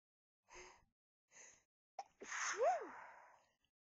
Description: lots of sneezes into soft white tissues, some talking and announcing of my sneezes